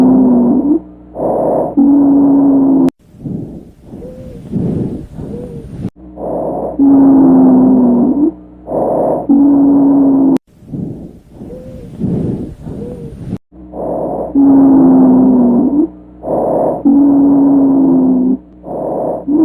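Musical, whistling tones recur with each breath over the chest: wheeze from narrowed airways.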